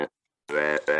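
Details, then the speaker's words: Laryngectomee speaking with an electrolarynx, tone setting left unchanged: two bursts of steady, flat mechanical buzzing voice. The speaker says a lower tone vibrates more and helps get through scar tissue and swelling early on. "But there's different brands. You could change the tone. I haven't changed the tone on this."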